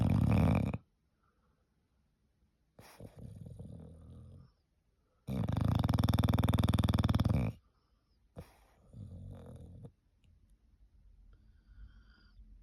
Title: Pneumatic drill at its finest #foryou #shorts #englishbulldog #snoring #viralshorts